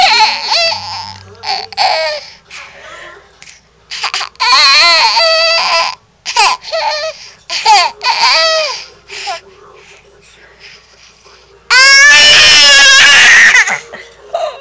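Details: An infant's bursts of high-pitched, squeaky laughter, with a whistling wheeze on the breaths between the vocal bursts: wheezing with laughter.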